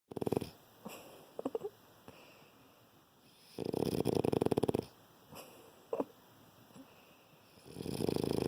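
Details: A tired, worn-out pup snores big while asleep: loud rattling snores, several long breaths in a row with quieter breathing between them.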